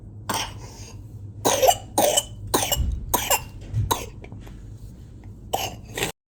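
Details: Paroxysmal whooping cough (pertussis): a fit of harsh, closely spaced coughs, about eight bursts in six seconds.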